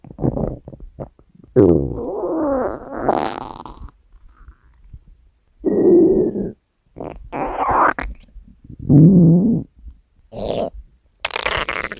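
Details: Repeated loud, rising and falling stomach growls and gurgles, some squeaky, with short pauses, over background music; borborygmi.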